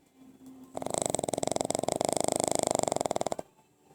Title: My pug snores n make noise while sleeping. ...